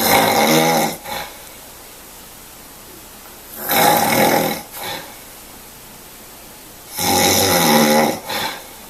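Loud, harsh rattling snores on each breath in, with a short breath out after each, about 19 breaths a minute: heavy snoring.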